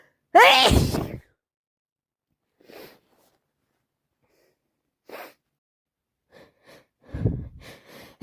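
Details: One loud wet sneeze, then sniffs, throat clearing and a gasp: wet, snotty sneezing with a heavy head cold.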